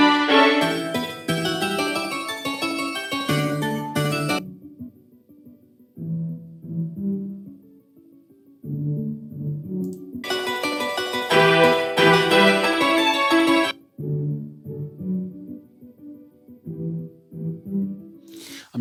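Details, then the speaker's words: Simulated left-ear severe-to-profound mid-to-high frequency mixed hearing loss, right ear normal: classical piano music alternates between full and bright and muffled and thin with only the lows left; the left side is described as static, with tinnitus. "the sound was very static and that was actually mentioned in the comment section by this individual that the left you sounds very static and there's on top of everything else that's going on there's tenus as well"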